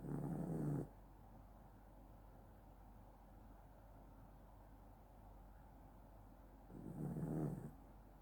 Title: Snoring doggo